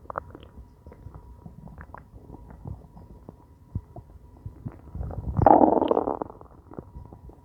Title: Hungry stomach growling